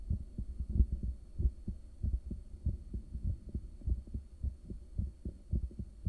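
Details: Adult's own resting heartbeat recorded by ultrasound in the early morning, soon after waking, caffeine and morning meds: steady, strong whooshing thumps at about 90 a minute over a low hum, a not-too-high rate but beating somewhat strongly.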